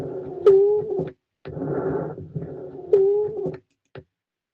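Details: Lung recording played as an exam listening exercise: noisy breaths with a musical, whistling tone rising slightly, typical of wheezing.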